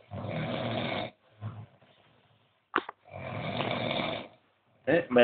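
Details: Loud, rumbling snores on the in-breath with a short snort between them; heavy snoring during sleep after a bout of heavy drinking.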